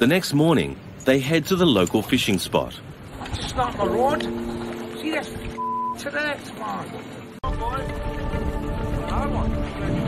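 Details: Adult narrator; narrator speech.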